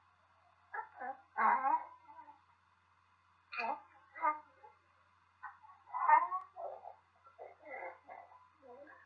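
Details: Repeated short, harsh, bark-like coughs with a hoarse, seal-like quality and brief vocal sounds between them, typical of croup.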